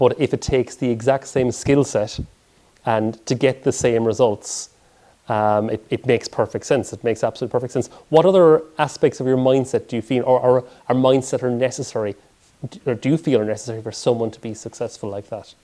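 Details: Adult male speaker; typical speech.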